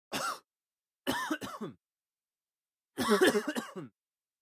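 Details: Adult male: cough, sound-effect recording; cough.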